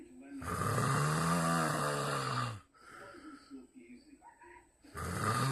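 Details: Snoring like a grizzly bear: loud, deep, rumbling snores on inhalation with rattling vibration, followed by quieter breathing; heavy snoring.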